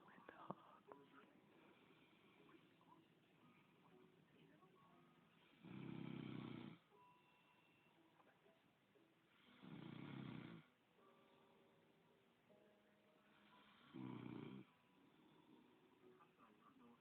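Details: Man snoring in sleep: three loud, rough snores about four seconds apart, roughly 15 breaths a minute, with quiet room noise between.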